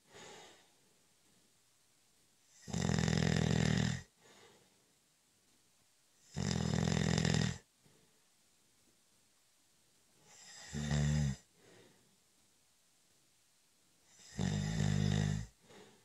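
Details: Snoring during a short, light cat nap: loud, harsh snores at a steady pace, about 15 a minute, with quiet gaps between breaths.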